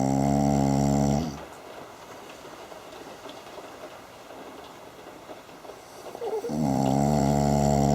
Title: snoring